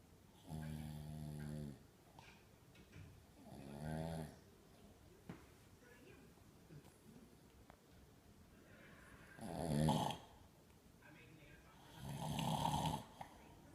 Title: Dad Snoring